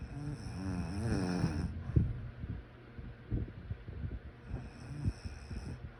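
A rough, vibrating snore on the breath in, followed by quiet, irregular breathing noises and the next snore beginning.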